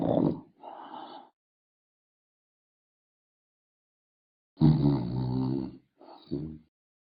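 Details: Sleeping person snoring: loud, rough rattling snorts separated by silent pauses.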